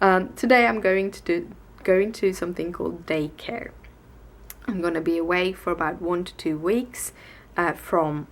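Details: Adult woman with stuttering alongside tics, present since waking that morning on a bad day, and worse in Swedish than in English; she cannot get words out or produces sentences slowly one word at a time. Stuttering.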